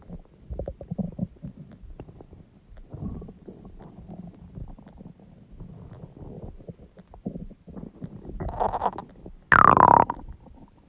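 Continuous rumbling and gurgling from the stomach, ending in a loud rising-then-falling squeal; ordinary stomach growling.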